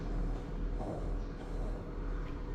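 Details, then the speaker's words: A lecturer on pediatric heart murmurs imitates by mouth a steady, soft, low rumble to illustrate a low-pitched, soft heart murmur. "like is it this pitch is very hard and harsh? Is it a pitch low and soft?"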